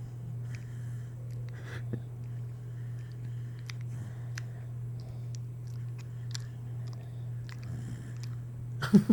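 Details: Faint, irregular clicking and crunching as a pet cat grinds her teeth while snoring, over a steady low room hum; teeth grinding (bruxism).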